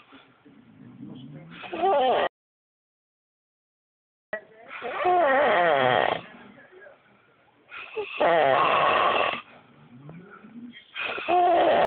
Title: Extreme snoring